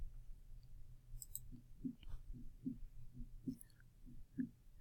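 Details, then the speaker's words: Normal heart sounds: steady, very regular lub-dub at about 70 beats a minute, normal first and second sounds. "very regular, lub-dub, lub-dub, lub-dub."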